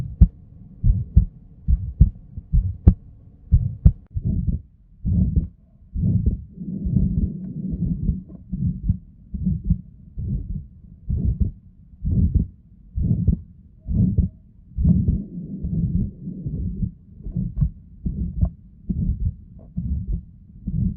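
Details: Stethoscope auscultation of pathological heart findings, with visible neck pulsation: heart sounds about 70 beats a minute with a whooshing murmur filling the gaps between beats.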